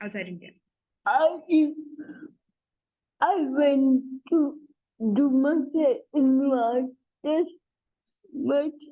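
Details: Adult woman with cerebral palsy introducing herself: dysarthria (cerebral palsy).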